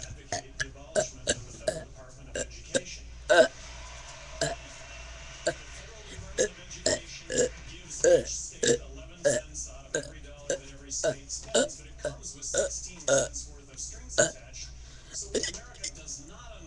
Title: 30 seconds of epic burping again